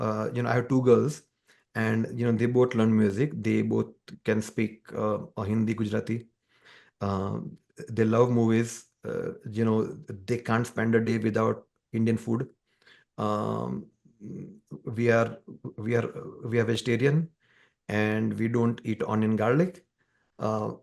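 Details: Adult man who stammers, a tech CTO and musician who credits music with helping his stammering; stuttering.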